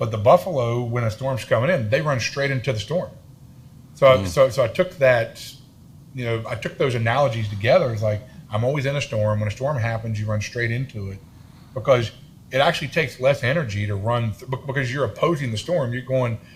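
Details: Adult man with a self-reported stutter and lisp, in speech therapy his whole life; stuttering.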